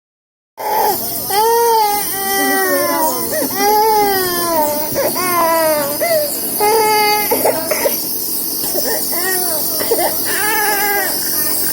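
Sustained rhythmic infant crying with wailing bursts and brief catches; a baby crying while sick with a cough and cold.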